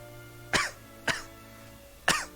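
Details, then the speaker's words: Cough: a person on a live cooking stream gives three short, sharp, harsh coughs in about two seconds over soft background music, then jokes about coughing up a lung. "I get oh my gosh do I sound like a hopeless fool right now with my coughing of a lung"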